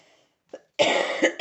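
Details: A faint throat sound, then one loud harsh cough burst with a short follow-on, from an adult woman with a hoarse voice that she attributes to spring allergies.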